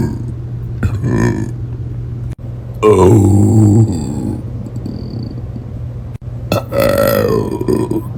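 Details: Three loud, deep, drawn-out belches with a low rumbling tone, typical of voluntary burping, with groaning and snorting around them.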